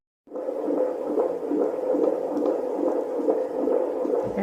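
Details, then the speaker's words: Fetal heartbeat on handheld Doppler at the OB-GYN office at 26 weeks of pregnancy, rapid whooshing pulses around 140 a minute, described as nice and steady: normal fetal heart tones. "your baby's heartbeat dad nice and steady okay so we are in the exam room I just heard the baby's heartbeat and I was able to record that for you"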